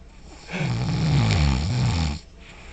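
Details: Roommate snoring at night: one loud, low, rattling snore lasting over a second, rising from quiet breathing and fading back.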